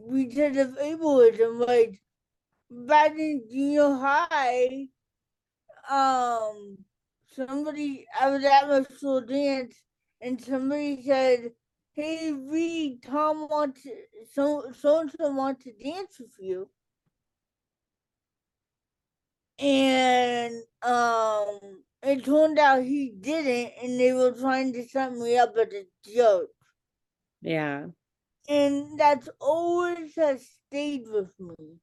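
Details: Dysarthria in an adult woman with cerebral palsy, an educator and author, who reports an early speech delay and says she talks differently.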